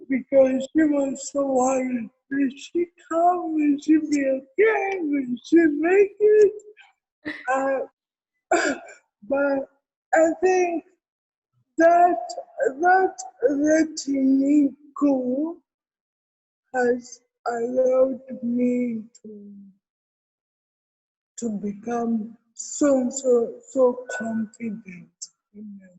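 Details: Adult woman with cerebral palsy present since birth, real speech in an interview; dysarthria (cerebral palsy).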